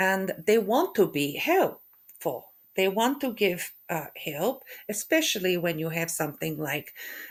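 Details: Aphasia after a stroke in a woman who also has functional neurological disorder, with halting speech, hesitations between words, word-finding difficulty (anomia) and stuttering; finding: aphasia.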